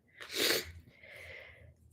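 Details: A single sharp, hissing sneeze burst, followed by a softer, breathy exhale trailing off in a quiet room, from an adult who has been sniffling and coughing with a nasal voice: sneeze.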